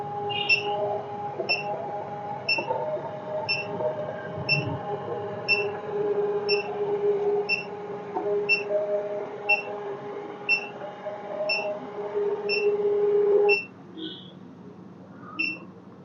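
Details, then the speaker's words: Uniwer UMS 7E3 3-channel ECG machine after pressing print, printing a 12-lead record with lead II as a long lead: regular heart-rate beeps at 60/min from a simulated input over printer whirr, which stops near the end. "നമ്മൾ print button press ചെയ്തു കഴിഞ്ഞാൽ machine print out വരും."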